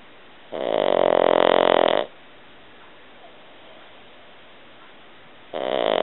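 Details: Pug snoring while asleep: long, loud, rasping snores on each breath, about 12 a minute, with quiet pauses between.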